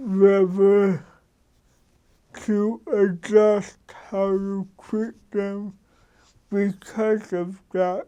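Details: Adult man with cerebral palsy since birth who adjusts his speech so others understand him; dysarthria due to cerebral palsy.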